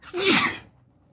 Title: Sneezing while sitting on the bed